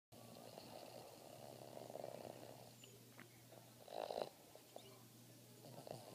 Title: Boston Terrier Gretzky Snoring